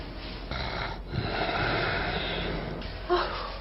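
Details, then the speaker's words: Loud, rough, rattling breaths from a heavily snoring husband recorded asleep during a hospital sleep study, with one long harsh inward snore and a brief snort, before the sound suddenly stops in a breathing pause: snoring with sleep apnea. "잠이 들자 시끄럽게 코를 보다가 갑자기 소리가 멈췄습니다"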